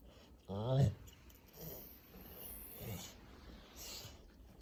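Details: A pit bull asleep after playing ball: a low, rumbling snore followed by two softer snoring breaths in a quiet room; dog snoring.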